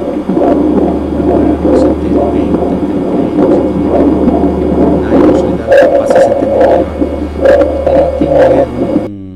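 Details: Increased vocal resonance (bronchophony/pectoriloquy) on chest auscultation: repeated spoken syllables come through clearly and loudly, indicating consolidation with an open bronchus, as in pneumonia, pulmonary infarction or tuberculosis.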